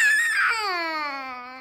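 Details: A young child's loud, wailing cry that falls in pitch and fades: an angry tantrum cry.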